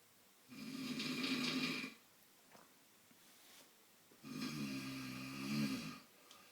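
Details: Sleeping adult man (father) snoring: two long, rattling snores on breathing in, separated by a quiet pause; ordinary snoring.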